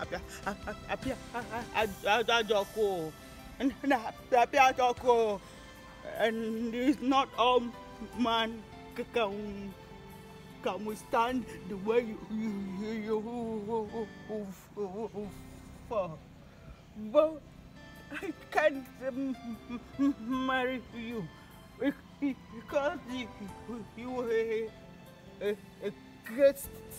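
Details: Adult speakers in an acted comedy skit; stuttering (acted).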